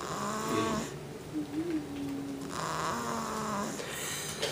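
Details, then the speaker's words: 2-month-old asleep on someone's belly, snoring put down to the way she's sitting: soft, rhythmic snores with light whistling tones on the breaths. "She must have really needed to sleep there. She's sawing logs at the age of 2 months."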